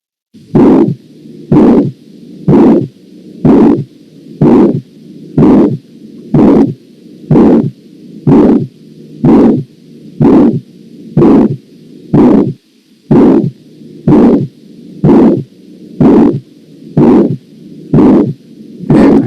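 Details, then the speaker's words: Systolic ejection murmur, crescendo-decrescendo (diamond-shaped) and loudest mid-systole; regular heartbeat at about 62 a minute with a rough whooshing murmur between the first and second sounds. "entonces son soplos expulsivos porque se presentan durante el periodo expulsivo de ventricular ya sea el izquierdo o el derecho vamos a escuchar un soplo expulsivo"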